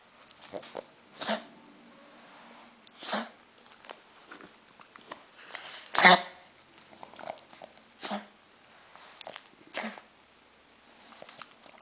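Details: Repeated short, harsh bursts from a small dog, about seven over twelve seconds, with snuffling between them; cough.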